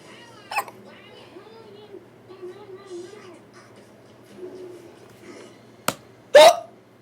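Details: Person with hiccups while watching Disney Channel, older recording: two sharp, abrupt little bursts near the end against quiet background TV talk.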